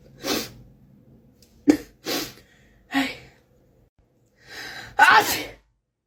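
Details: Several sharp, explosive sneezes with gasping in-breaths between them, set off by a self-administered COVID-19 nasal swab test. This is uncontrollable swab-induced sneezing.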